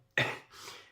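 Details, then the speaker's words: Adult with a common cold caught indoors, wheezing and sniffing: one abrupt, harsh cough or throat-clearing burst, then a fading breathy exhale. "can hear I'm bit wheezing and sniffing and that's because I caught a cold and not because I was outside but I caught it inside"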